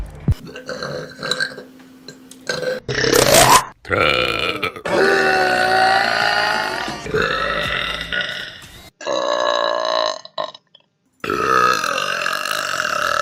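Several loud, long, throaty belches in a row with brief pauses between them.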